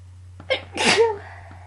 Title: Loud Allergy Sneezes